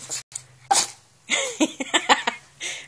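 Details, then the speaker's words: Male dog sneezing on command as a trick, praised for sneezing: several quick, forceful nasal bursts in a small room, a run of sneezes. "Uh-oh. Sneeze. Good boy. Sneeze again."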